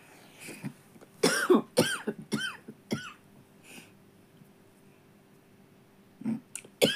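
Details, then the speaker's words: Run of harsh, rattly, chesty coughs from an adult woman, several bursts in close succession, a pause, then two more; she describes it as a smoker-like cough though she does not smoke. "Je suis désolée. J'ai une toux comme une fumeuse, on dirait. Alors que je fume pas."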